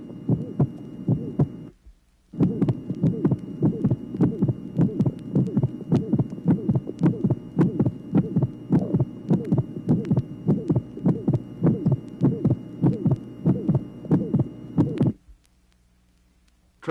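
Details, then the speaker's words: Regular heartbeat near 100 a minute, from a 1967 vinyl teaching record: high-pitched, musical systolic ejection murmur with splitting of the second sound. "tracing number 11 high pitched musical ejection murmur associated with splitting of the second sound"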